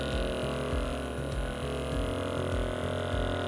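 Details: Loud steady motor hum with rhythmic throbbing at about 100 pulses a minute as a percussive massage tool runs over tight upper back and shoulder muscles of a pregnant woman on a chiropractic table before an adjustment.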